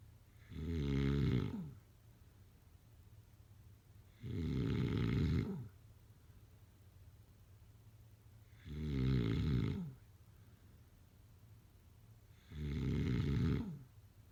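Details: Sleep snoring: regular deep, rattling snores on each breath in, about 15 a minute, separated by quiet pauses.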